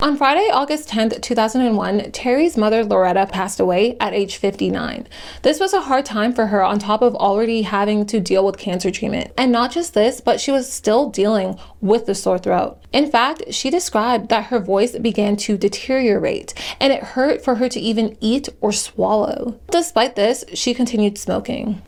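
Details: Adult female narrator; normal speech.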